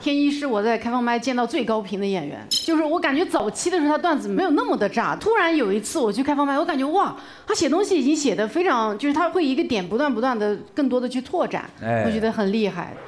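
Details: Adult woman speaking; Normal voice.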